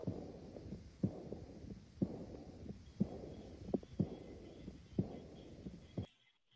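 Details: Aortic regurgitation murmur in a patient who became progressively tachypneic and diaphoretic: regular heartbeat near 60/min with a soft blowing diastolic murmur starting right after the second sound and fading.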